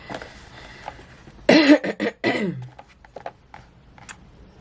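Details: Adult on their third day of COVID (third infection), croaky voice: three short, hoarse coughs in close succession, then quiet room sounds with faint tapping.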